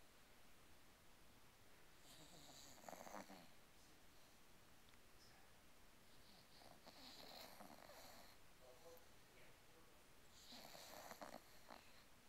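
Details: An English Bulldog snoring while asleep with its tongue sticking out: loud, rattling snores, about three in twelve seconds, each a harsh, noisy breath.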